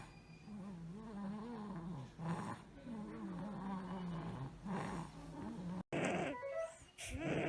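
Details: Child with stridor and wheeze: noisy breathing with a high, musical, wavering whistle through the breaths, then a brief different segment; educational example.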